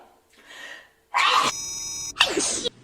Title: sneeze (girls vs boys)